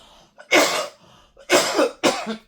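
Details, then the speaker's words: Adult making three loud, abrupt coughs, each preceded by a brief catch of breath, with occasional snorting and throat clearing while speaking. "You'll hear me cough occasionally in my videos and I'm not going to cut them out. Um it's just what is happening right now."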